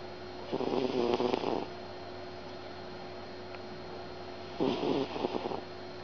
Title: SNORING CAT